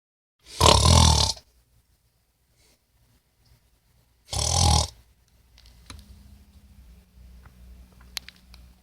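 Two loud, rough, rumbling breaths about four seconds apart, then quiet room noise; snoring.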